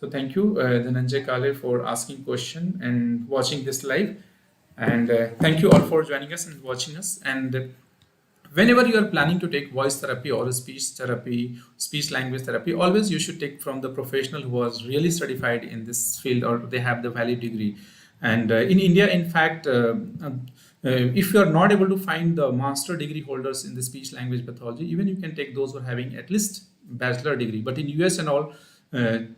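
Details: Adult man speaking; normal speech.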